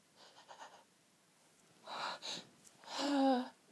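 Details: Several short, breathy gasping in-breaths building to a stifled, held-back sneeze with a brief voiced catch, while trying to hold back a sneezing fit as long as possible; gasping.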